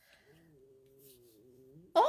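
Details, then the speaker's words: Adult's low, wavering, drawn-out gurgling groan from the stomach, heard after eating ice cream: ordinary stomach growling (borborygmi). "can you hear my tummy growling yeah it's not happy with me at the moment as i decided to have ice cream"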